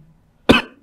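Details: Single short, sharp comedic cough from a man in a cough compilation, bursting out after near silence and fading quickly, with faint room noise.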